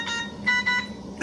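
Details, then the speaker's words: Newport HT70 Plus transport ventilator: short bursts of a high electronic tone over room noise, the ventilator's audible alarm, shown with a 360-degree visual alarm. "it should be viewable in the position 360 around the ventilator also gives you a visual that gives you an audio audible alarm as well"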